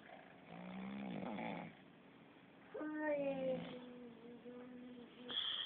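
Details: Sleeping cat snoring: soft, tonal, whistling snores, irregular, with long pauses between them.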